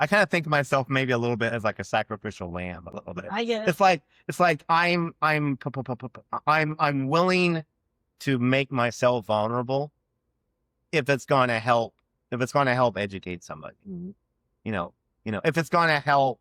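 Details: Adult man who has stuttered since childhood and had years of speech therapy as a child; real conversational speech with repetitions and blocks, showing stuttering.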